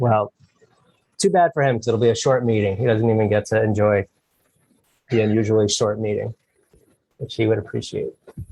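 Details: Adult man speaking; normal voice.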